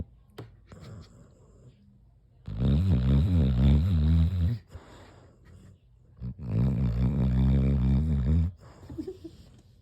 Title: Fat dog snore